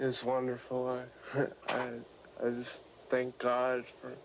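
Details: Young man with rare generalized dystonia affecting his entire body, about 8 days after deep brain stimulation surgery, still on some medication; dysarthria due to dystonia.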